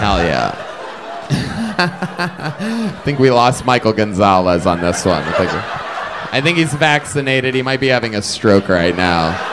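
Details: Adult man speaking; typical speech.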